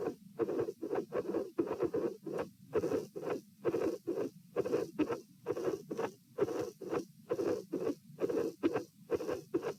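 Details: Stethoscope heart sounds at position P during a stress test, lying, sitting and standing, with dilated aortic root: irregular beat near 66 bpm, each with a scratchy midsystolic murmur and an occasional extra sound near S2.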